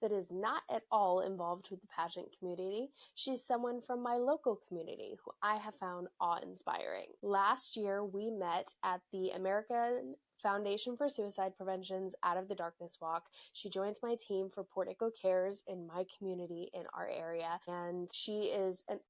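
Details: Adult woman speaking; normal speech.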